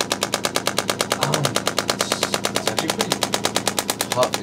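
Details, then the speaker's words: Shockwave therapy handpiece on the upper back near the upper corner of the scapula, with a trigger point referring pain; the patient describes a deep ache and deep percussive feeling. Rapid, regular percussive clicks, about sixteen per second. "like when you hit a really good spot it's a deep ache but but it's just like a the rest of it's like a a deep percussive feeling"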